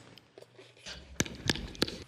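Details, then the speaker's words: A man with Tourette syndrome, recorded before overcoming it, makes three sharp, brief clicking bursts and then a short, abrupt vocal sound; vocal tics. "once I beat it I used to then play this clip really gonna give my speeches because no one would believe me that I had Tourette's"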